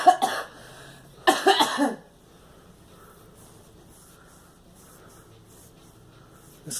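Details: A short cough, then a burst of three quick coughs from a girl, followed by quiet room noise.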